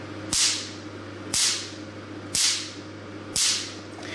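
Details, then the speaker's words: Sharp, loud, crisp snapping cracks about once a second over a steady machine hum from a picosecond laser machine; the crisp loud snap is said to reflect a very short pulse. "if the machine can reach these pause wise six hundred picoseconds it won't be started like this if the past bias longer other YAG laser machine they can output and solder like so so crass poor"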